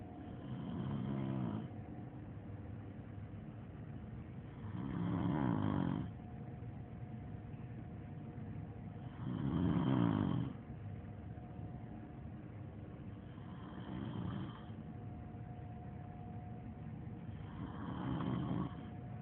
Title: Rami The Snoring Machine!